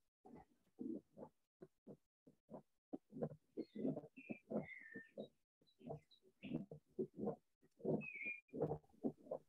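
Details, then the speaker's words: Pericardial friction rub, teaching audio in a pericarditis lecture (ST-segment changes mentioned): scratchy, grating bursts repeating with the heartbeat, described as varying with the cardiac cycle including diastolic components. "listo pues ese va a ser el frote pericárdico y va a ser un fenómeno sí esto sí esto lo diastólica"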